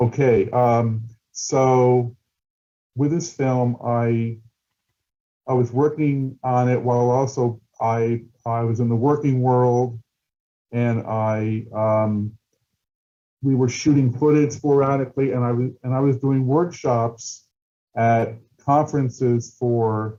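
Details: Adult male person who stutters, a documentary filmmaker, speaking at a stuttering event, with word and phrase repetitions; stuttering.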